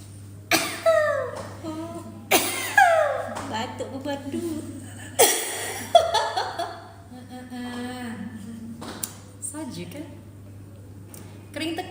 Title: Batuk Pun Merdu 😍